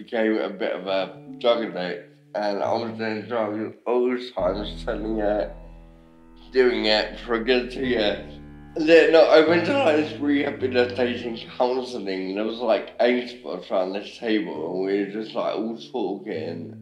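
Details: Young adult man with ataxia, a rare degenerative cerebellar disease affecting speech, walking and swallowing; slurred speech often mistaken for drunkenness: ataxic dysarthria.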